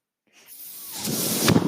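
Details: Breath from the mechanical ventilator of a person speaking on a podcast: after brief silence, a rising airy hiss builds into a louder whooshing rush, a ventilator breathing cycle.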